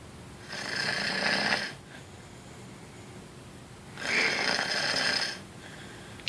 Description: My girlfriend woke me up this morning as her snoring began to get louder as always!